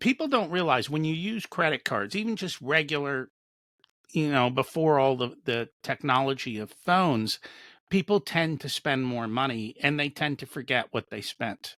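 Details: Adult male speaker; typical speech.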